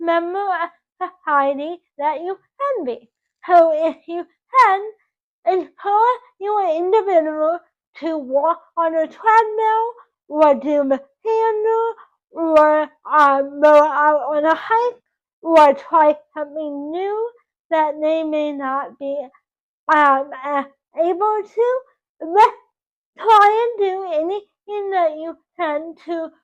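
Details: Dysarthria in a 24-year-old woman with cerebral palsy from oxygen loss to the brain at birth; doctors had predicted she would never talk.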